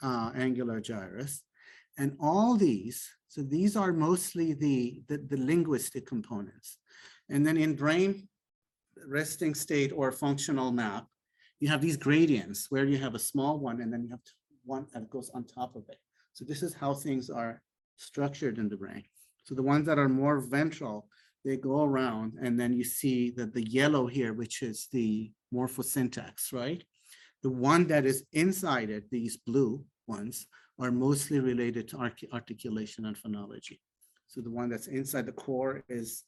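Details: Adult male lecturer; typical speech.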